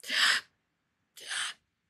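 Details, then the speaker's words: Woman recording a podcast while on an oxygen concentrator: two loud, harsh, gasping breaths with a pause, frequent breaths since she is short of air, speaking about four words per breath. "как бы то есть они у тебя очень часто они очень громкие потому что тебе буквально нечем дышать и вс как бы предложение которое Ты може это типа четыре слова и дальше новый вдох четыре слова новы это слышно"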